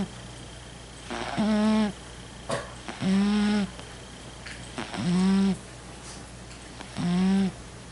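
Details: A female cat snoring while she sleeps: regular buzzing, rattling nasal snores at about 30 a minute; snoring.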